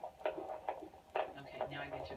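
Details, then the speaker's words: Fetal heartbeat on handheld Doppler, probe angled through the baby's chest with the baby lying posterior (facing up): regular whooshing pulses around 130 per minute, sounding different from the back. "I get through the heart, or through the chest here. Hear the difference of the heartbeat?"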